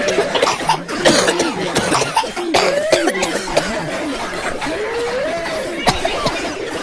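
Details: Several passengers coughing on a Metro North train car: repeated sharp coughs amid crowd chatter and background noise.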